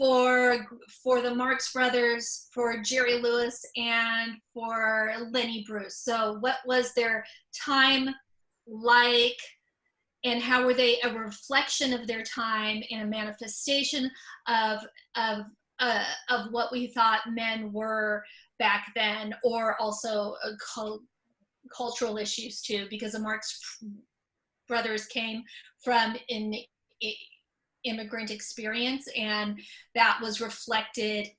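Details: Stuttering, mostly repetitions and sometimes blocks, in an adult woman who stutters, speaking spontaneously.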